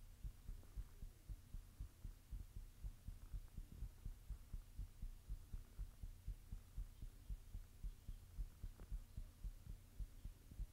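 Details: Person recording their own heartbeat while blushing: regular, soft, low thumps under a steady low hum; a normal heartbeat.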